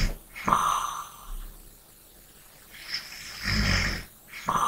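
Rough, rattling snores on the breaths in, separated by quieter breaths out, roughly two breath cycles across the few seconds.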